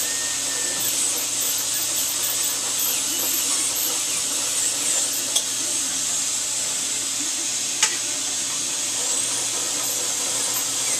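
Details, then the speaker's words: Dental handpiece polishing a newly placed tooth-colored bonded (composite) filling, after light-curing: steady high-pitched whine with a couple of brief clicks; routine dental restoration. "The final step will be adjusting the occlusion, or the bite on the tube, and after which we will polish the filling."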